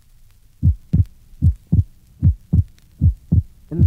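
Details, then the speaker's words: Left bundle branch block in a 1965 teaching recording, heard at the pulmonic area: regular heartbeat near 75/min with paradoxical second-sound splitting, wider on expiration than inspiration. "paradoxical splitting is now heard in a patient with left bundle branch block refer to figure 29."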